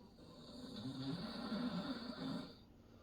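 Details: A father snores while his baby son plays and explores nearby: ordinary snoring during sleep.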